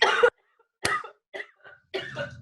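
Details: An adult podcast host coughs in a run of about five short, harsh bursts, the later ones softer and more throaty.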